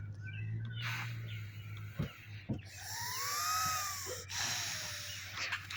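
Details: Harsh, noisy laboured breathing with whistling and rattling through a tracheostomy crusted with mucus, recorded just after a jog; the person had smoked half a cigarette that day.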